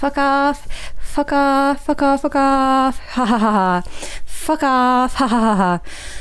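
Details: Adult woman with Tourette syndrome producing repetitive vocal tics with obscene words, remarking her tics are strong today; vocal tics with coprolalia (Tourette syndrome).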